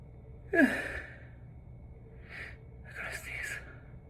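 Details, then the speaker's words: Sneeze, deliberately induced in a hotel room after sneezing from very dry, dusty air: a sharp voiced burst followed by two softer breathy exhalations in a quiet room. "Gee. I'm gonna sneeze. Ugh."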